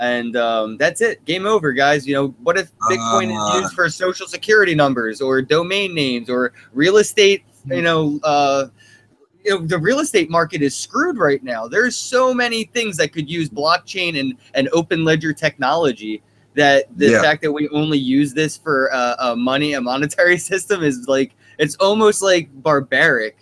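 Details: Adult male speaker; ordinary speech.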